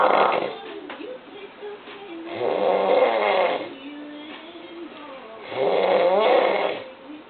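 Loud, rasping snores about every three seconds, with faint music in the background. Heavy snoring.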